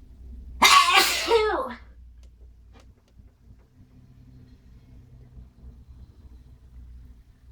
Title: Very loud sneezing with buildups